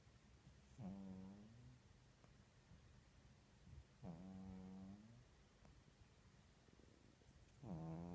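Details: Cat snoring while sleeping with an arm over its face: soft, low, buzzing snores with a nasal whine, three breaths about 3.5 seconds apart, about 19 a minute.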